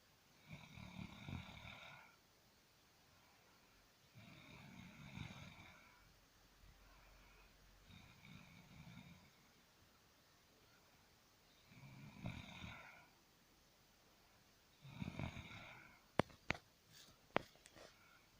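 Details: Sister snoring: five rough, rasping snores on the in-breath, about 3 seconds apart (roughly 16 breaths a minute), with a few clicks at the end.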